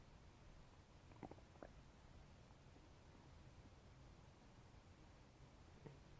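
Quiet low rumbling with a few brief gurgling pops against a soft background hum; ordinary stomach gurgling, borborygmi, after eating.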